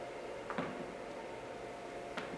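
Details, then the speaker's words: Person with Ehlers-Danlos syndrome relaxing and voluntarily cracking the neck without forcing it: a few short, sharp pops over quiet room noise, neck joint cracking. "oh, there. But never force your neck to crack. If your neck doesn't crack, oh well, too bad."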